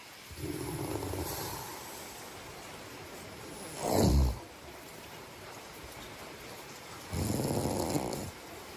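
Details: Slow, low snoring breaths during sleep, about 18 a minute, with a louder snort in the middle over faint room noise; snoring.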